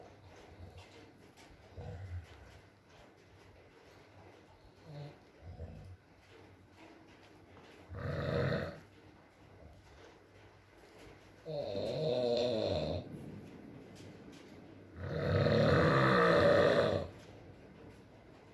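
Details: Adult male (boyfriend) snoring during sleep: loud, rough snores at irregular intervals, the later ones long and rattling, over a soft room hush.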